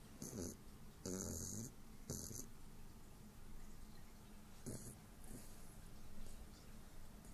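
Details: Short, rough snorting breaths repeat over a steady room hum: light snoring.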